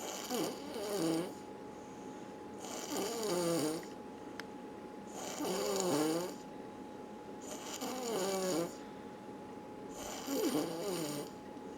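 Five rattling, fluttering snores in twelve seconds, on both in- and out-breaths, roughly a dozen breaths a minute, with a faint steady tone behind.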